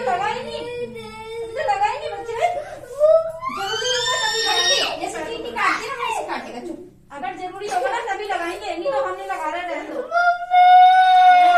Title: Child injection || kids injection cry || injection shot